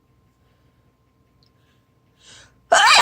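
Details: A quiet in-breath, then one loud, sharp burst of air and voice, followed by "ouch", from an adult on day 2 of a cold, recorded on a phone; single sneeze.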